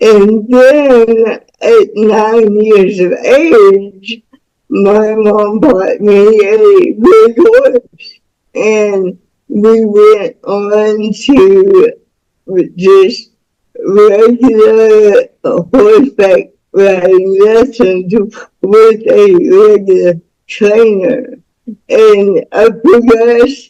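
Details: Woman about to turn 49 with spastic cerebral palsy since birth, which she attributes to being born with the umbilical cord around her neck five times; real, unacted speech; speech of a person with cerebral palsy.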